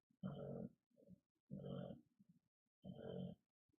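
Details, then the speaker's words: Sleeping dog gives quiet, grunting snores in a steady rhythm a few seconds apart, on a hot day after lots of exercise. Snoring. "yeah I don't know if you can hear my dog's snoring but it's hot she got a lot of exercise today"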